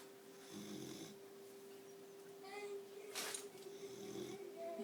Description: This is my 4 month old boxer snoring. (turn it up)